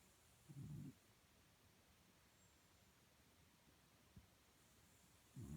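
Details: Sleeping dog snoring: quiet, soft, low snorts several seconds apart against a faint room hiss.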